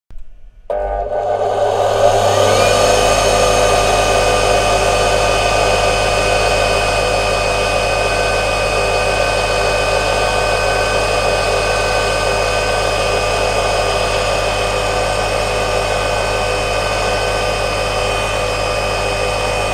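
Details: Steady droning motor hum with a constant whine as a Cattani Tecno-Jet dental suction machine for the saliva ejector starts and runs evenly in a dental practice; normal operation.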